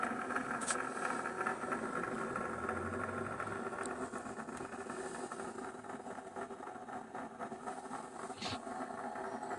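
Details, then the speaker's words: Needle EMG with concentric needle electrode in a muscle supplied by the external sciatic (peroneal) nerve, patient with no voluntary activity: dense crackling ticks and pops over hiss, fibrillation potentials and positive sharp waves of complete, acute denervation. "voy a tener toda esta tormenta eléctrica que me habla de una denervación completa y aguda ahí lo escuchan ahí lo ven"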